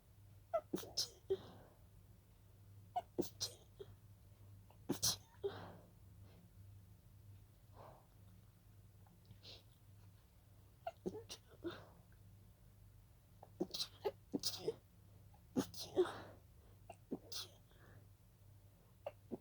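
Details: Breathy stifled sneezes: a series of soft, held-back sneezes in a quiet room, a sneezing fit that started as pollen allergy.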